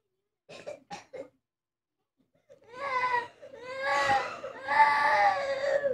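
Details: Young girl with an ear infection: a few short whimpers, then loud, strained, drawn-out crying; a child in distress from ear pain.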